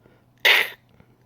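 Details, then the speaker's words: A single sharp, hissing burst like a sneeze or reversed cough, a person imitating the sound of kennel cough in an 8–12-week-old puppy: kennel cough (imitated). "did somebody hear the puppy sneeze uh was that like a backwards like cough you know um if you hear that you need to let us know immediately"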